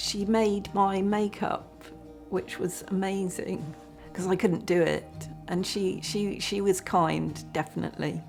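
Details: Aphasia following a stroke.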